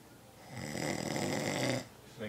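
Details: Adult man sleeping deeply at someone else's house: one loud, rattling snore on the in-breath lasting over a second, with room noise before and after; snoring.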